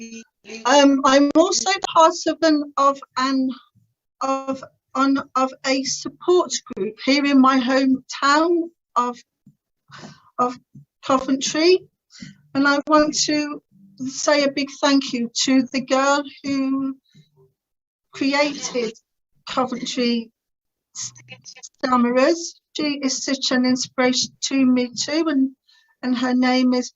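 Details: Adult woman who has stammered since about age three, severe through her teens and adult life, now with some control after the Starfish Project speech therapy course; stuttering.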